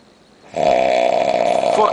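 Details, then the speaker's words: Very drunk man asleep on New Year's, not waking despite loud talking nearby: one very loud, deep, buzzing rattle on a breath, close to the microphone; heavy snoring. "That's like [ __ ] 3,000 RPMs holy [ __ ] I'm supposed to sleep with this [ __ ]"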